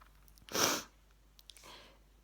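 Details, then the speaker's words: Sneeze during a sneezing fit: a single sharp, hissing sneeze burst, followed a moment later by a softer sniff-like breath, in a quiet room. "so you're probably getting now the last few minutes of my sneeze in fit it's coming again"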